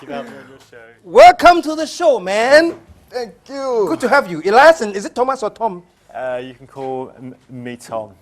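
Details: Adult male speaker in conversation with a male host; stammering.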